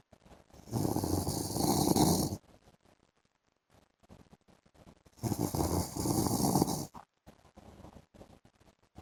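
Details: Adult man (husband) asleep in the afternoon: two loud, harsh, rasping snores about four seconds apart with quiet gaps and small noises between; heavy snoring.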